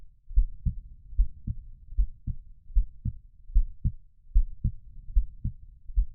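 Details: Normal heartbeat recording played as a sleep aid for babies: a steady, low lub-dub at about 75 beats a minute with a soothing, even rhythm.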